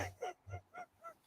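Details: Female streamer imitating her own recurrent voice loss, which she says happens often and from which her voice has not fully recovered; acted, not real; finding: hoarse voice (voice loss), imitated.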